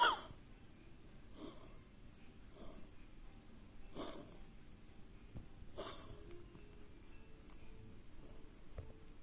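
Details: Canadian Sphynx cat coughing for about six months; bronchitis treated with antibiotics, deworming done, heart ultrasound and lung X-ray normal, latest diagnosis bronchial asthma, inhaler not helping: about five soft, short, dry puffs; chronic cough.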